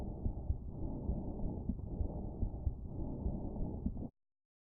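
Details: Bronchial breath sound recorded with a StethoMe electronic stethoscope. Loud, harsh, hollow, broad-band, bright-toned breath noise, normally heard over the trachea, the upper chest and the large bronchi.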